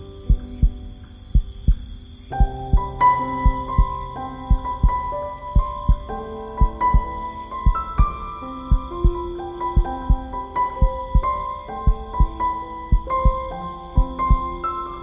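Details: Slow, steady heartbeat, soft regular low thumps at about 57 a minute, played under gentle piano sleep music.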